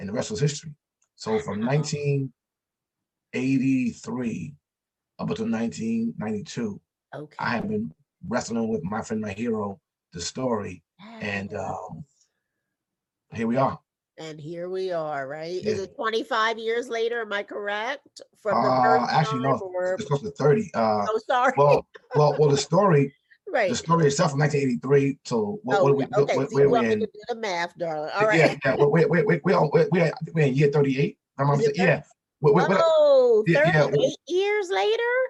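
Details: Stuttering in an adult man, an author and motivational speaker, who says he stutters and that others can hear it.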